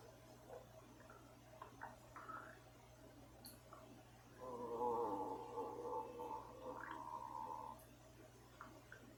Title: rocko's stomach growling